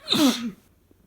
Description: More allergy sneezes from my boyfriend